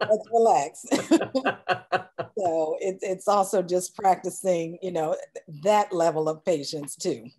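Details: Adult woman speaking; no speech disorder.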